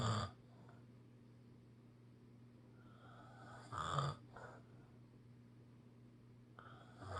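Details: Person snoring: rattling snores with each breath, about 16 a minute, over a steady room hum.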